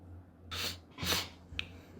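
Two quick hissing bursts, a sharp breath then an explosive sneeze, over a low steady room hum.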